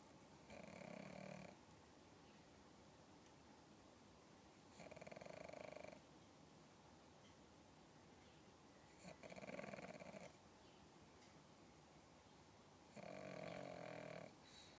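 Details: Pug snoring in sleep: four loud rough rumbling snores, each about a second long, separated by quiet pauses; flat-faced dog snoring.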